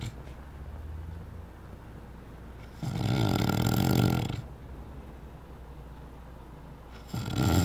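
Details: Person sleeping and snoring: loud, rough, rattling noise on breathing in, with quiet breathing between.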